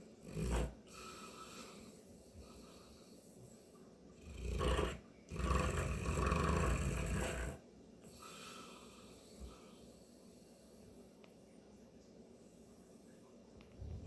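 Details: Snoring loudly while asleep during the day: a short snort, then two loud, low, rattling snores, the last about two seconds, with quiet breathing between.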